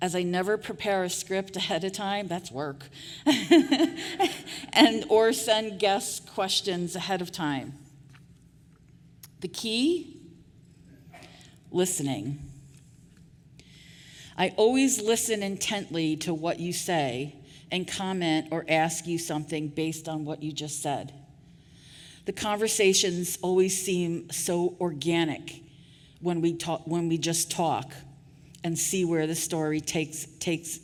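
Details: Real stuttering in an adult woman who was formerly a covert stutterer; part-word repetitions are heard.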